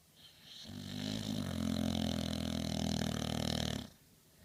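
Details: Snoring from Snoopy: one long, buzzing, rattling snore lasting about three seconds on a single breath, in a quiet room.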